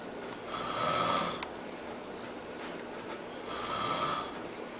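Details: A woman who says she doesn't snore, snoring in her sleep: two hissy, nasal inward snores about three seconds apart, with quiet breathing between.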